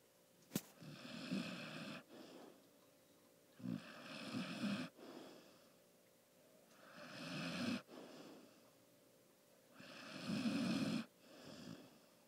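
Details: Sleep snoring: slow, regular rattling snores with each breath, about 20 a minute, in a quiet room; it was much louder earlier.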